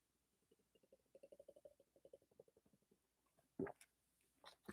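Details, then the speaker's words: Adult stomach growling while drinking a shake: rapid series of soft gurgling pulses, then a louder burst, a normal digestive sound. "My [clears throat] I don't know if you can hear my stomach growling. It's crazy."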